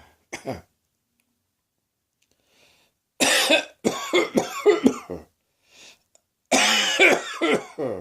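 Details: Adult woke with a sore throat, possibly start of a summer cold, coughing shortly after: a single cough then two clusters of rough, forceful coughs with short gaps; cough.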